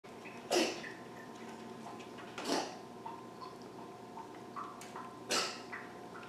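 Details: Sneeze.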